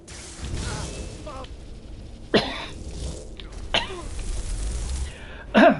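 Three short, sharp single coughs from an adult, a second or so apart, over quiet video game sounds in the background.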